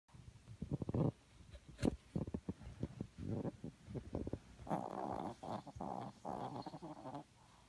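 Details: Momo snoring with eyes open.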